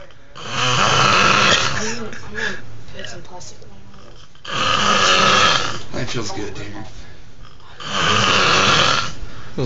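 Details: Very loud, harsh snores rise and fade with each breath, about 17 breaths a minute, with faint room noise; heavy snoring that has gone on for about an hour.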